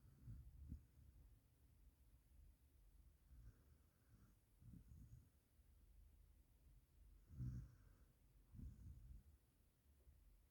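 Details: Indian mixed-breed dog snoring softly while asleep: quiet, low rumbling breaths repeating every few seconds under steady room noise.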